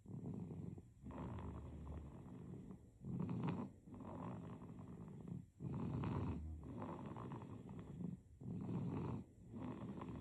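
Soft, low rattling snores with each breath in sleep, about 20 breaths a minute, slightly irregular; infant snoring.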